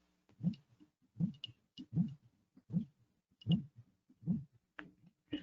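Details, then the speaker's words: Pericardial friction rub played in a pericardial disease lecture, heard at the mesocardium or left sternal border: regular heart sounds near 78 a minute with scratchy, rasping, leather-scratching noises riding each cardiac cycle. "pero es como les dije respeta el ciclo cardíaco pero durante este ciclo cardíaco vamos a escuchar tres este como este como dije como un rascado no como si ustedes estuvieran raspando sus manos"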